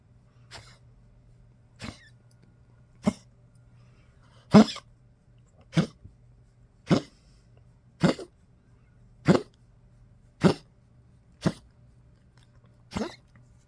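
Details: Old Poodle waking in cold weather, recorded 30 March 2025: a run of about eleven short, dry, hacking coughs, roughly one a second, before returning to sleep; dog cough.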